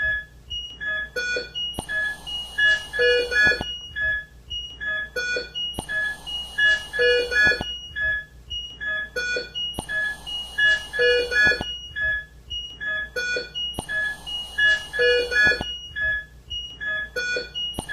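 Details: ICU patient with organophosphate poisoning on ventilator support, treated with atropine and lavage: repeating electronic alarm tones cycling about every four seconds; ICU ventilator/monitor alarm.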